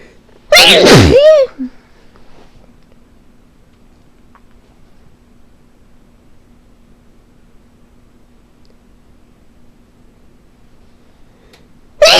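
One loud, high-pitched sneeze with a voiced rising cry at its end, then quiet; a single sneeze.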